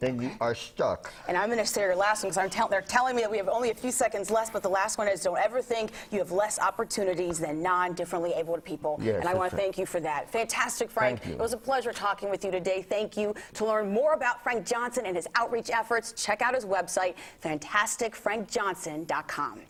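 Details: Adult woman speaking; normal speech.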